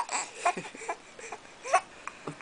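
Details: Baby boy with hiccups laughing at his father: short, broken cry-like bursts and whimpers with brief catches between them, in a small quiet room; infant vocalizing through hiccups.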